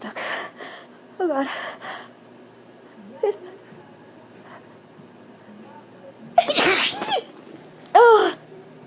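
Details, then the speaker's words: A run of repeated sneezes with sharp inhaled gasps and explosive bursts; the sneezer guesses it is allergies, starting after going outside. "it didn't really Start until until Oh God um it didn't really Start until I I Sorry I have to I didn't really Start until I went outside so I'm guessing there's just something something out there that I'm allergic To"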